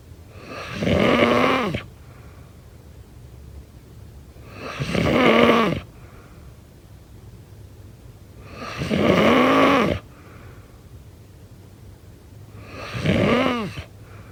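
Loud, rattling snores on each breath in, about 15 a minute, with quiet pauses between.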